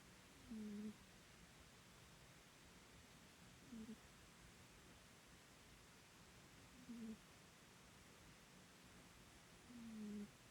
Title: Bengal cat snoring (please raise the volume)